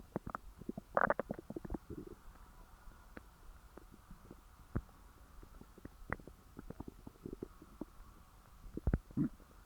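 Frequent low gurgles, squeaks and pops from the belly after a large meal; active bowel sounds of digestion.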